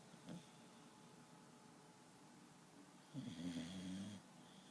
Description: My dog snores like a grown man...